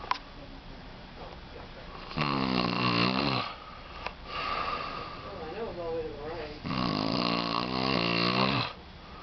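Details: Dad snoring during work: loud, rough snores on breathing in, two long snores with quieter breaths between, in a small room.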